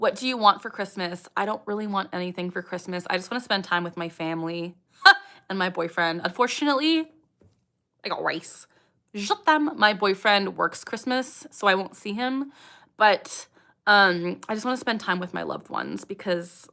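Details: 27-year-old woman with Tourette syndrome, speech interrupted by the recurring vocal tic "I got rice" during a real livestream; vocal tic (Tourette syndrome).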